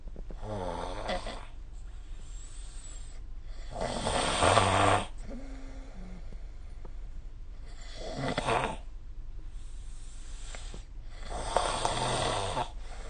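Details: Rough, fluttering snores with short snorts, several breaths over thirteen seconds, over faint room noise, recorded with the SnoreLab smartphone app; ordinary snoring.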